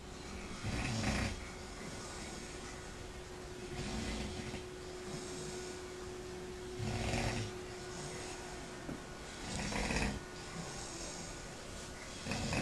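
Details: Sleeping male snoring: rough snores on each in-breath, about five breaths in twelve seconds, over a steady room hum; ordinary snoring.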